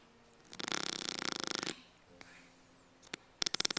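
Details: Snoring during sleep: a rapid fluttering rattle lasting about one second, then quieter breaths and a short burst; fluttering snore.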